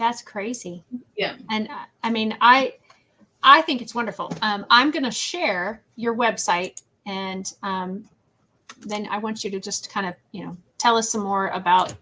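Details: Adult woman; typical speech.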